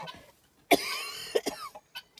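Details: Adult owner coughing while pet geese watch with concern: one sharp cough burst followed by a couple of shorter coughs, with faint bird sounds nearby.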